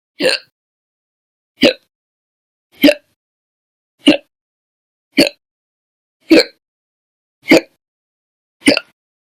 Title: 4/1/20 to 4/30/20, Violent, Bad Loud, Silent, Minute, Second Hiccups Audio Only